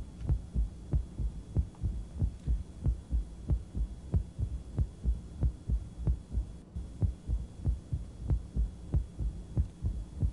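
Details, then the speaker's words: More severe mitral stenosis, tachycardic at about 94/min; soft low rumbling crescendo diastolic murmur. "we still have that dead crescendo crescendo murmur in diastole and we'll move inside the apex"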